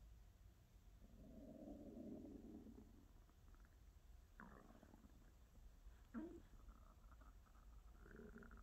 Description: Beautiful sounds of stomach noises. Tummy sounds, growls, gurgles, and grumbles.